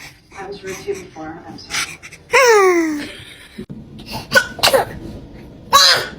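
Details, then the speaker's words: Newborn baby sneezing: a small sudden sneeze, then a short cry-like squeal and more sneeze bursts, with adults nearby saying bless you. "That's her sneeze. Bless you."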